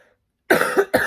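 After a brief silence, an adult woman gives two short, dry coughs in quick succession, consistent with a throat-irritation cough.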